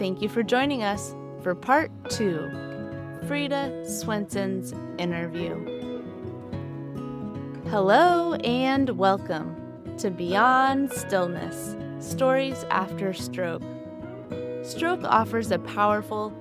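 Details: Adult host speaking over acoustic guitar music; Typical speech.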